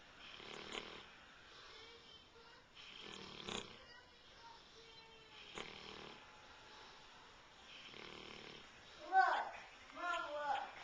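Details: Black Labrador snoring loudly while asleep, human-like: regular raspy snores about every 2.5 seconds (roughly 24 a minute), then a few snuffles at the end; snoring.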